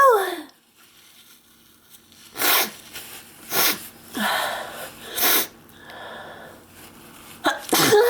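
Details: Several loud, explosive bursts of air through the nose and mouth in quick succession, induced by sneeze powder and recorded close up: repeated sneezing.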